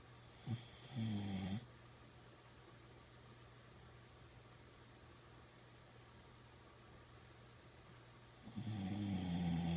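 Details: Boxer dog napping in the afternoon: two rough, rattling breaths in about eight seconds apart over quiet room noise; snoring during sleep.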